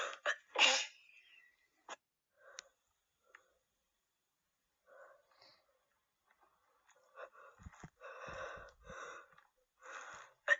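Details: Quick catching breaths, then a sharp wet sneeze, followed by sniffles and congested, snuffly nasal breathing from a female with a cold: sneezing.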